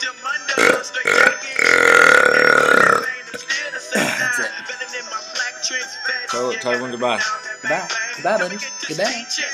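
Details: A person showing off burping: one long, loud, voiced belch lasting about a second, followed by laughter and talk over background music.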